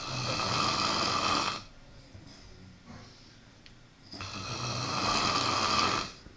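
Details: Snoring sounds.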